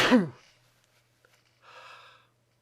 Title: Handkerchief sneezes